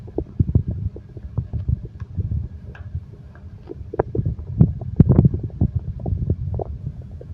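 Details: Relaxation recording for insomnia combining heartbeat and stomach growling: continuous low gurgles and rumbles with bubbling pops, normal stomach growling (bowel sounds).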